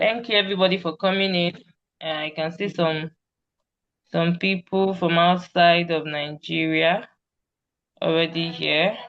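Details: Adult woman speaking; fluent speech.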